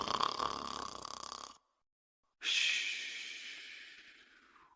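A long, rough, rattling intake, a pause, then a long airy exhale: a cartoon snore, an imitation rather than a real sleeper.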